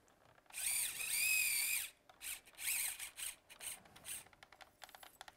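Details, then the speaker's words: Power drill over a guide wire into the medial femoral epicondyle of the knee during percutaneous MCL internal brace ligament augmentation surgery: high-pitched whining bursts, first sustained then short pulses. "we're then going to use the drill now"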